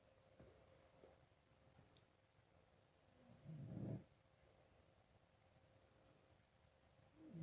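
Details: Low, rough rattling snores on each breath, roughly 16 a minute, with quiet stretches between them and a faint steady room hum: snoring.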